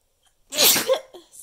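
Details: Person counting a run of sneezes toward ten: one forceful sneeze with a short voiced tail, then quiet.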